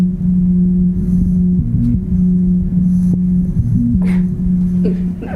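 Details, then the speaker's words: Heard through a stethoscope on the chest of a single mother of six with heart failure and a very weak pulse: steady, continuous low mechanical hum with faint rising-falling pulse from her heart pump (LVAD). "we have an example of what our viewers would hear if they were listening to chest with a stethoscope"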